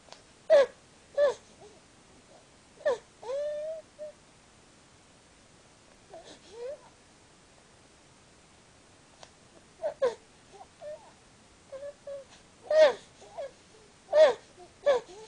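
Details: Infant boy with laryngomalacia, tracheomalacia and bronchomalacia (LTBM) making the typical repeated high, honking, tonal noises with breathing; stridor.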